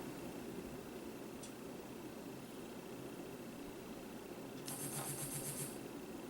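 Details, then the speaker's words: Snuza Hero baby movement monitor demonstrated sitting on a surface, not on a baby: steady quiet room hum, a small click, then about one second of rattling buzz, the no-movement vibration alert triggered after 15 seconds. "after 15 seconds it's going to start vibrating and that's when it would vibrate the baby to try to alert them after the 15 seconds"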